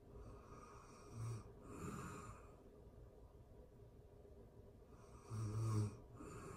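Soft, low snores paired with breathy exhales, two breath cycles over a faint room hiss; gentle snoring.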